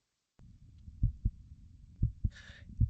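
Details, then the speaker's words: Crisp paired lub-dub heart sounds at about 60 beats a minute from a dog's heart, with no murmur, played under a cardiologist's speech; normal heart sounds. "Um, but in the background, um, what you'll be able to hear here is a heart that's beating."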